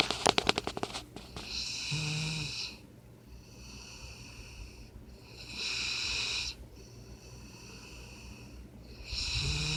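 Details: Sleeping puppy snoring like a person: a few sniffs, then hissy, whistling snores repeating about every 4 seconds. Snoring.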